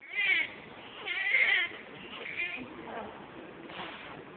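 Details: Newborn's first cry moments after birth in Bangladesh: thin, high-pitched bursts of crying, a normal first cry.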